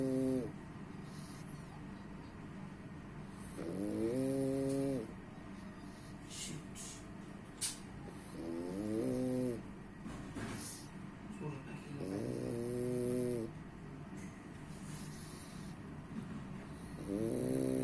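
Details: A sleeping pet snores in rhythmic, buzzy rumbles at about 13 breaths a minute, with soft room noise between. Snoring.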